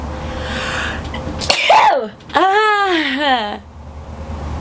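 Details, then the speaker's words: A single sneeze: a sudden sharp burst followed by a drawn-out, voiced, wavering cry, after the person says she feels the start of a sneeze. "i have the start of a sneeze so that's how i sneeze"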